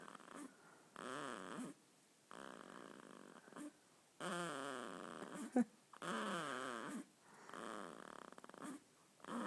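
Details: 2-week-old baby boy snoring in sleep: repeated noisy, slightly squeaky breathing sounds, about five breaths in ten seconds; infant snoring.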